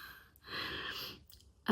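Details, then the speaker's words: A single snore heard in the background during a vlog. "Did y'all hear that? straight up just snored."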